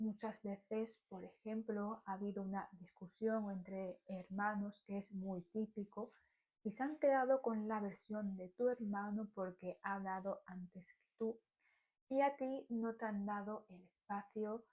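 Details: Stuttering in an adult woman speaking Spanish.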